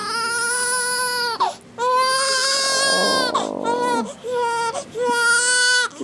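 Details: Infant crying with loud, sustained high-pitched wails broken by quick breaths, just after sneezing and seeming startled by it.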